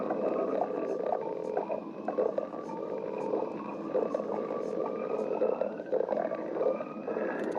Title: Starfire stomach growling 4